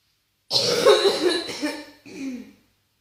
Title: 92 Seconds of Intense Bronchitis Coughing